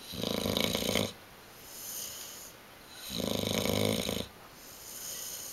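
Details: 7-month-old Bullmastiff–Boxer mix dog snoring: loud, rattling snores on each in-breath, about two cycles in five seconds, with quieter out-breaths between.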